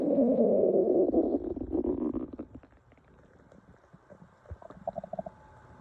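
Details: Loud, rolling stomach growl from hunger fading into softer bubbling and squeaks; normal borborygmi.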